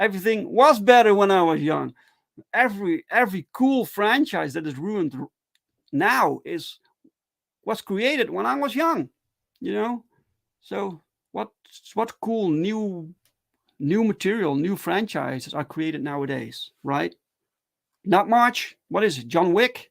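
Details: Adult who stutters, speaking live in a solo stream; stuttering.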